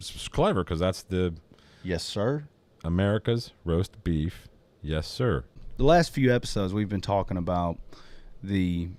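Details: Adult male speaker; normal speech.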